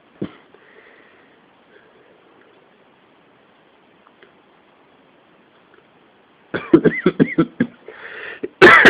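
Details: Someone with a cold, at the start of the coughing fits: after a quiet stretch, about six rapid harsh coughs, a noisy indrawn breath, then another cough; coughing fit.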